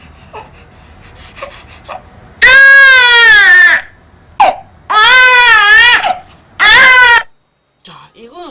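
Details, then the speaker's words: Sleepy cry of an overheated infant, room too warm with heat rash on the face: three long open-mouthed "ah" cries with brief gasps, meaning too sleepy but too hot to settle; sleepy infant cry. "아 하고 우는 소리는 아까 뭐였다 졸릴 때내는 소리였다 그럼 이야기는 지금 무슨 말을 하고 있냐면 엄마 내가 지금 너무 졸린데요 더워서 못 자겠어요라고 얘기하고 있어"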